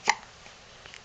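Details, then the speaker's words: A newborn baby girl has hiccups: a single sharp, brief hiccup followed by quiet with faint small sounds. "now she's got the hiccups she's being pretty sweet about it"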